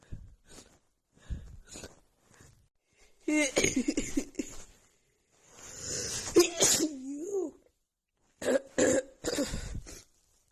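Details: A run of quick, explosive sneezes with sharp intakes of breath between them, recorded in the morning a few days before spring; rapid sneezing attack attributed to flaring seasonal allergies.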